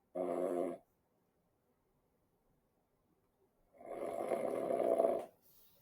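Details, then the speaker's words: Adult man's own recording before jaw surgery for obstructive sleep apnea: two loud, rough snores, then silence as breathing stops from about 5 to 40 seconds, a 35-second apnea with no movement. "So after these first two snores here, I stopped breathing. This is around the 5-second mark, and it actually continues until the 40 second mark."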